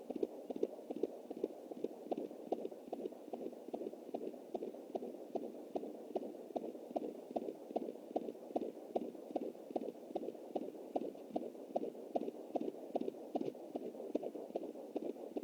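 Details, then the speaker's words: Fetal heartbeat of a baby boy at 20 weeks + 7 days, recorded with a Jumper home Doppler through an anterior placenta; rapid galloping, horse-like beats, distinct from the mother's slower pulse picked up through the artery. "Definitely has to sound like a horse galloping. That's the baby."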